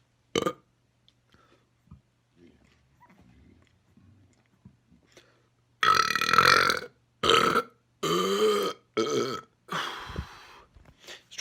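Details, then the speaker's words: Burping: a series of about six loud, long, rumbling deliberate belches in quick succession, with quiet gaps between. "some more big ones just a small one there's a lot trapped inside me now so i should get some more big ones"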